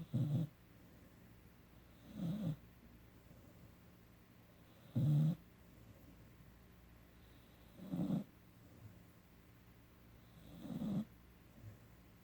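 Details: A 17-week-old sleeping puppy snoring: low, rumbling snores every two to three seconds, about 21 a minute, on a quiet background.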